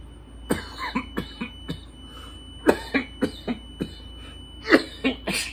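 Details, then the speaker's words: A run of about a dozen harsh, irregular cough bursts and throat clearing over five seconds from a senior adult right after taking a large cannabis dab hit from a dab lamp; coughing fit. "so i'm glad you're with me to take this big hit i don't want to cough but i might not be able to stop myself here we go"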